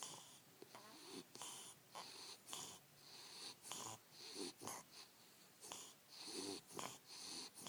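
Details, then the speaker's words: Bulldog snoring: rapid, wet, snorting, wheezy breaths with a hissing, whistly edge, repeating about every half second. "That was Wally snoring."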